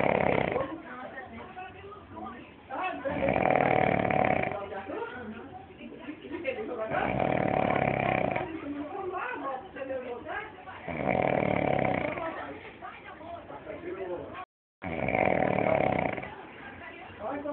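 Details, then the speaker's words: Person snoring loudly during a short nap: loud, rough, rattling snores about every four seconds (roughly 15 per minute) with quieter breathing between; snoring. "Caraca um cochilinho só o b te largou bicho você ronca demais"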